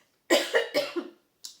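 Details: Cough, heard during spoken French commentary.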